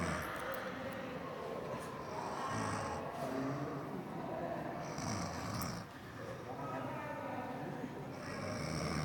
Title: Video lucu bikin ngakak #suara ngorok merdu